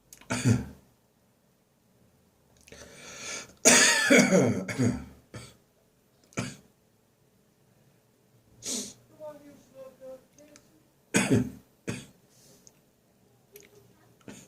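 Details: Lingering dry morning cough after bronchitis, now resolving, with no gagging or phlegm: several short, harsh, dry cough bursts in clusters with throat clearing between.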